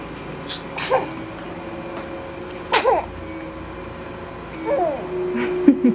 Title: sneezing